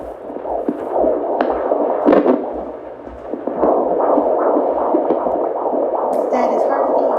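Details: Fast whooshing pulse from a Doppler probe over a pregnant belly at about 31 weeks, near the third trimester: a fetal heartbeat at around 147 beats a minute.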